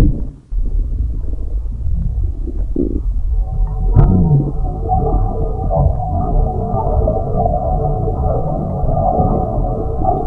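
Long, deep, gurgling rumble that rises and wavers for several seconds: ordinary stomach growling from gas and fluid moving through the gut.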